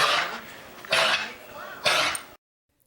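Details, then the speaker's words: A 2-year-old female Belgian dog, after a dog show, with constant repetitive coughing, high fever and watery nasal discharge. Chest X-ray showed inflamed lungs with a little fluid. Three harsh hacking cough-retch bursts: kennel cough. "After participating in a dog show, Sinting started displaying symptoms such as constant repetitive coughing,"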